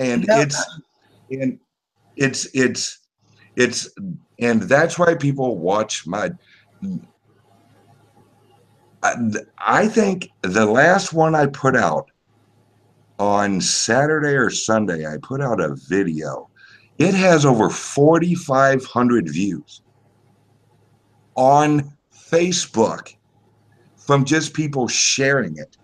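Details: Self-reported speech impediment of unspecified type in a man; disfluent speech; speech impediment.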